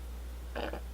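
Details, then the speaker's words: Stomach rumbling (borborygmus) rising into the throat in an adult during a makeup routine: a brief, low, croaky, frog-like gurgle rising out of a steady background hum. "do you guys hear that? My tummy is rumbling and it's coming up through my throat. That sounded really weird. I sounded like a little frog."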